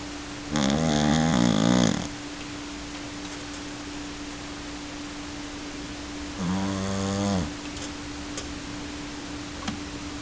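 Two loud rattling snores on breaths a few seconds apart, over a steady background hum; typical sleeping dog snore.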